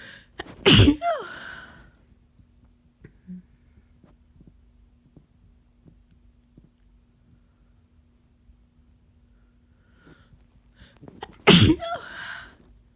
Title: Sick sneezing